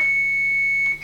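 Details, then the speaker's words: Training AED in a simulated cardiac arrest scenario (old 2006 guidelines), with shock advised: a steady high-pitched continuous charging tone before the shock is delivered, with voice prompts to stay clear and press the orange button. "stay clear of patient shock advised charging stay clear of patient deliver shock now press the orange button during shock"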